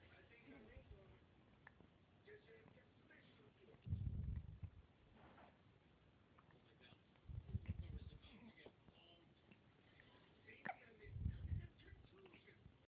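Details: Three brief, low, jerky bursts about every 3.5 seconds over quiet room noise; hiccups.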